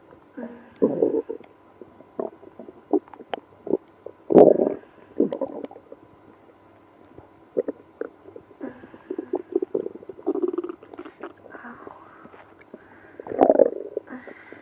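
Irregular bursts of gurgling and low rumbling with quiet gaps, typical of active bowel sounds during irritable bowel syndrome.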